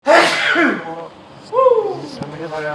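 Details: Adult man (a father) in a sneezing fit of four sneezes in two minutes: one loud, forceful sneeze with a voiced burst, then a shorter vocal follow-through.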